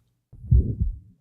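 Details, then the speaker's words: 20-year-old female with a small muscular ventricular septal defect, recorded at the left lateral sternal border: one heart cycle with a low, rough murmur starting at the first sound and fading by mid-systole; early systolic murmur. "listen next to the sounds taken from a 20 year old female with a small muscular vsd the recording was taken at the left lateral sternal border"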